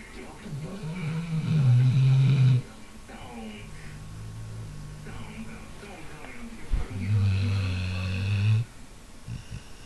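Loud, low rattling snores on each breath, with quieter breathing between them; a dog snoring in its sleep.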